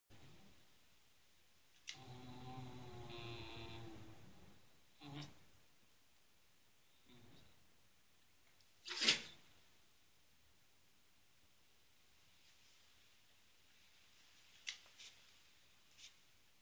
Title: Sneeze Dog